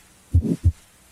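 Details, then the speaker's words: Carotid bruit heard by stethoscope over the neck while the patient holds the breath: low thump, soft whooshing vascular sound, then another thump, suggesting arterial narrowing. "listen for a brewery which is a whooshing murmur-like sound of vascular rather than cardiac origin a brewee suggests arterial narrowing if present a brewery would sound like this"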